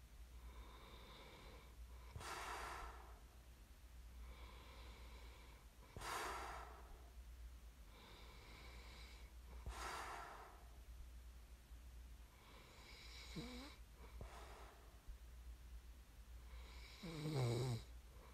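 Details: Slow rhythmic snoring during sleep, about five breaths in eighteen seconds, with rough snorting inhalations and quiet exhalations over a steady low room hum.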